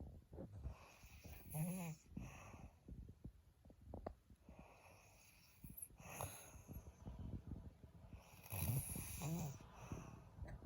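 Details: Horrible, startling snoring: loud, rough snorting snores with low rattling on breathing in, amid room noise.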